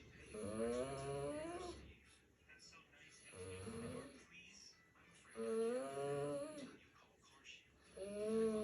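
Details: Worn-out dog snoring loudly: drawn-out snores with a groaning, voiced quality repeating every few seconds, with quieter breathing between them.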